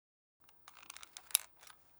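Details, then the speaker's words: Diskus inhaler lever pushed downwards: a short run of plastic clicks and rattles ending in a sharper click confirming the dose is ready to be inhaled. "You will hear a click confirming that the dose is ready to be inhaled."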